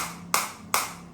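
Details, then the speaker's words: Two sharp snapping clicks over a steady hum: pulses from a Biotronix SW7 focused (not radial) shockwave therapy device applied to the user's own hand at intensity 10. "So right now I'm getting very focus shock wave on the hand area and uh this is the intensity 10."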